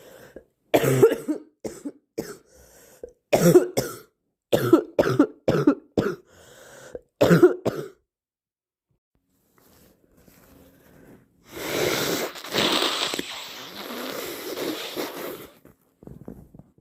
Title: Super snotty cold morning blows plus coughing